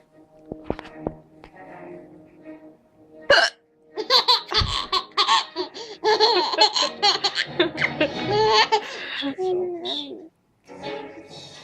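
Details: Young child with hiccups: sharp hiccup sounds break into bursts of giggling and laughter; hiccups.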